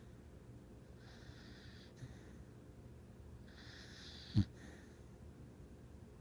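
Two soft, airy snoring breaths a few seconds apart, then a brief snort, in a quiet room from a sleeping dog.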